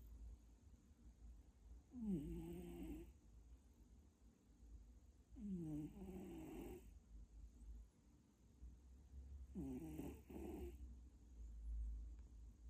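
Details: Snoring in a sleeping cat, described as fairly severe: three loud, rattling snores on slow breaths, about one every four seconds, over a low room hum.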